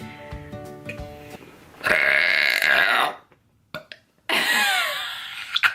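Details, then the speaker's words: Girl deliberately burping: two long, loud, voiced belches with a brief pause between them, over faint background music at the start. "explain how to burp you open up your mouth okay look I feel like a burp is coming right now hold on okay that was weak but I just took in too much air right now cuz I was trying to show you how to do it"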